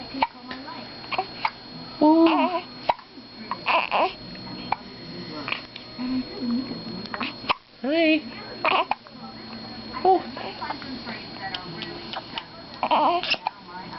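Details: Two-week-old newborn girl with hiccups while cuddled by her father: repeated short, abrupt catches in breathing with soft coos and nearby voices; hiccups.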